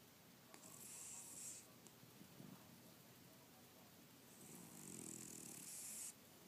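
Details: Cat snoring while snoozing: two drawn-out, soft, hissing, rattling breaths with a faint low flutter, light snoring over steady room noise.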